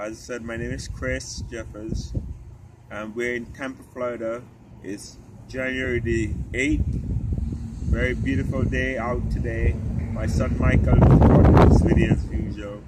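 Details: Ataxic dysarthria in an adult man with genetic spinocerebellar ataxia type 3 inherited from his father, affecting cerebellum, walking, talking and swallowing; affected siblings can no longer speak, and doctors expect he will eventually lose speech.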